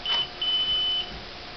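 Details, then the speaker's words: Hospira Gemstar infusion pump during preventive maintenance: a short, then longer high-pitched electronic alert beep. It stops once the cassette clicks into place. "There, you heard the click, and you know it's in place because it stopped beeping."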